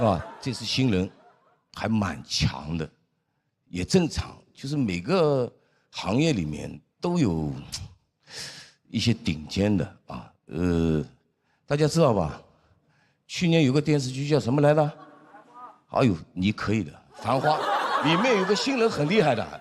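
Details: Adult male speaker; normal speech.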